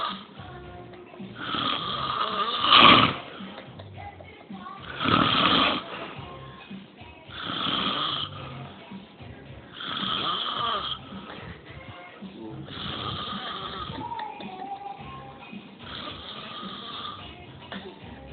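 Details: Male friend snoring very heavily, having fallen asleep just after a phone call while still clutching his phone: repeated raspy snores about 24 a minute with background music.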